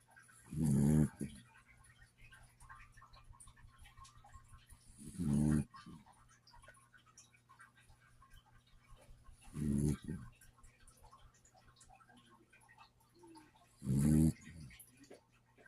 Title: how does a weenie pup snore you ask? #weenie #dachshund #dachshundlife #minidachshund #fyp #puppy